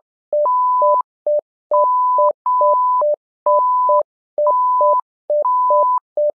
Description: Here is a simulated patient monitor named "SimMon"